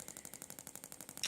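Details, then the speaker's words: Gymna Shockmaster 300 radial shockwave for grade 2 cellulite on the back of the thigh, 1.6 bar, 12 Hz, 20 mm head with gel: rapid evenly spaced sharp clicks about twelve a second. "this seems to be a popular method in the research papers where you actually go up and down the area that's affected in this case the back of the thigh using a radiator pattern"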